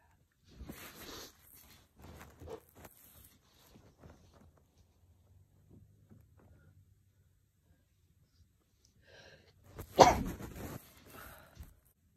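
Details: Soft sniffs and breathy noises building to a sharp sneeze near the end, faint room sounds; sneezing induced with chhinkni powder in a person with a cold of a couple of days.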